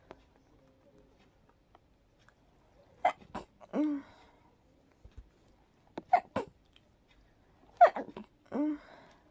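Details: Three breathy, stifled sneezes while very sleepy, trying to fall asleep, each a sharp double catch then soft exhaled burst in a quiet room; allergy sneezing, trigger unknown, probably pollen.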